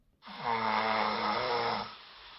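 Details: Person's own overnight sleep recording: a single loud, low, rattling snore lasting under two seconds, drawn in on one breath.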